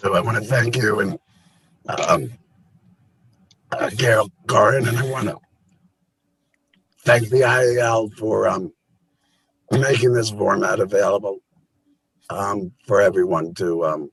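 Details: Adult with a total laryngectomy related to cancer who now helps other laryngectomees; voice method not stated; alaryngeal speech.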